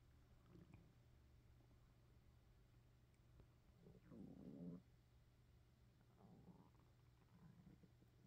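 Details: Late-night hunger stomach growling (borborygmi) from an empty stomach: low gurgling rumbles with a loud growl midway, over a steady low hum.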